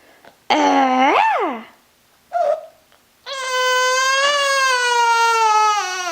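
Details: Loud, clear, tuneful wails with a short whimper between, from a 5-month-old baby boy; ordinary crying in a healthy infant.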